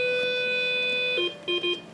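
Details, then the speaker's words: Steady high electronic alarm tone breaking into short, lower repeated beeps from a haemodialysis machine in a self-care unit; the kidney failure patient troubleshoots it, and here the dialysis fluid canister needs changing. "sometimes an alarm will go off and he has to troubleshoot and determine if any parameters on the machine need to be altered to continue dialysis"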